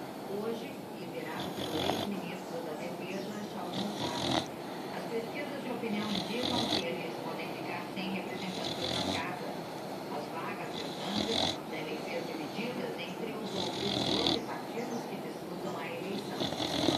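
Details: Sleeping dog's loudest recorded snoring yet: repeated loud, rough snoring breaths, about eight over the stretch, over steady background noise.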